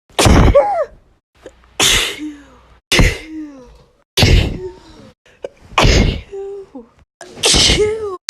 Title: 2019 summary (sneeze edition)